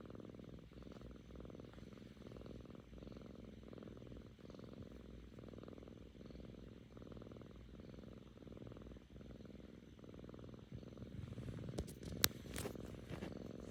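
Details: Seven-month-old female cat, recovering from ear mites, purring contentedly: steady, low, rhythmic rumbling with a soft pulse on each breath in and out; purring, not snoring.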